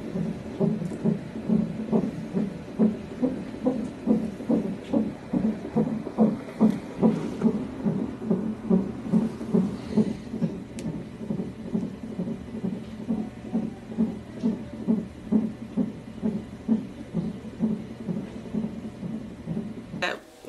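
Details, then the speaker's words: Fetal heartbeat of a breech baby girl on a monitor during admission for an ECV procedure: rapid, regular whooshing, about 140 beats a minute, louder than earlier. "You can hear her heartbeat really good now. That's her heartbeat you hear. It wasn't so loud earlier."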